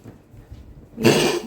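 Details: Dog with a cough that worsened overnight on the second day of illness, with laboured, short-of-breath breathing; even vets unsure what to do: a single harsh, forceful cough burst after a quiet lead-in.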